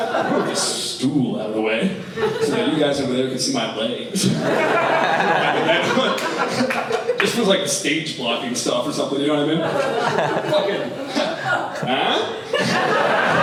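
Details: Tourette syndrome in an adult male comedian, real vocal tics including involuntary cursing during a stand-up set; he also reports motor (shaking) and sniffing tics; vocal tics.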